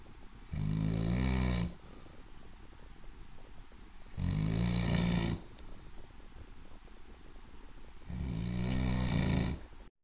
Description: Large English Mastiff snoaring.